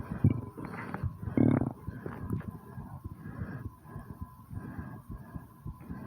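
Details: Loud, low, rushing breaths with muffled thumping of the heartbeat, heavy breathing just after 20 squats.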